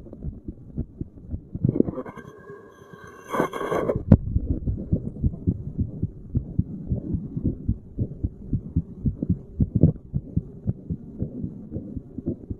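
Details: Self-recorded resting heartbeat while sitting, stethoscope at random chest spots, not standard auscultation points; steady thumping with rubbing and scraping as chest piece moves; normal heart sounds.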